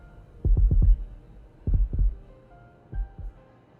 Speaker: Now we're hearing our heartbeats.